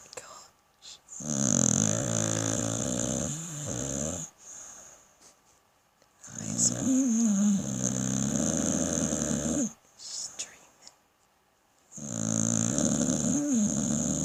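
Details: Pit bull snoring: three loud, drawn-out snores with a groaning, rattling tone, separated by short quiet pauses.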